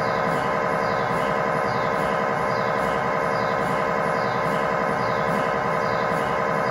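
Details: MRI scanner acoustic noise recorded inside the scan room during a test tibia/fibula (lower leg) MRI in a controlled environment, using a GE high-definition lower extremity coil (stated as 16- or 8-channel): loud continuous buzzing and rhythmic knocking with a steady repeating beat.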